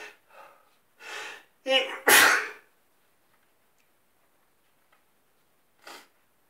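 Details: Sneezing in bed in the morning: quick indrawn breaths build into one loud, wet sneeze, followed by quiet and a sniff.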